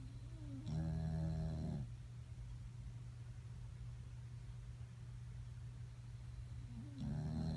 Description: My super lazy dog has the best snore.